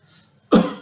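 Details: Acted demonstration cough: a single short, loud cough after a quiet pause.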